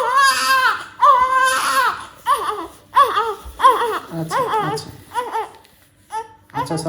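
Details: Loud, rhythmic cries in repeated bursts with brief pauses, settling to whimpers, from a newborn in hospital, crying vigorously while being handled for a dress and diaper change.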